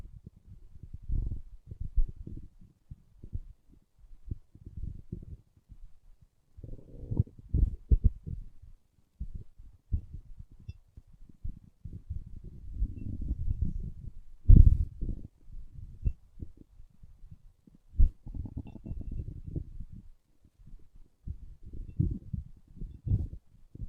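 Low gurgling and rumbling bursts of stomach growling, normal bowel sounds from gas and fluid moving through the gut.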